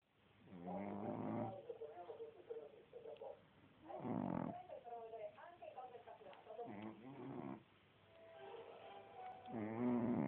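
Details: Boston terrier sleeping and snoring: loud, honking, trombone-like snores in repeated bursts with quieter rattly breathing between them.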